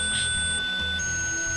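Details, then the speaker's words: Simulated tinnitus made with tones: four or five steady high-pitched tones varying in intensity and volume, approximating a lifelong tinnitus sufferer's perception (real tinnitus also warbles, flutters, sometimes white noise). "they're about four or five tones they vary in intensity they vary in volume they vary in uh frequency of warbles which i didn't put in there because i really am not up to that kind of sound engineering but it warbles and it flutters and sometimes there's a sound of white noise"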